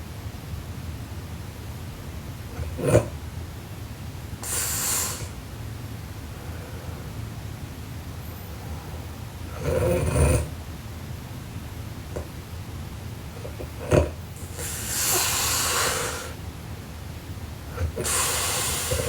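Very loud snoring about every five seconds, with brief snorts in between and steady room noise: heavy snoring.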